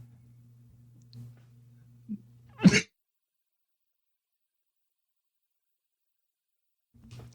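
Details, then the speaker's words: A single short, sharp cough from an adult during a radio talk-show host's political monologue, over a steady low electrical hum; he says it sounds like Donald Trump. "the cough that sounds like Donald Trump doesn't it"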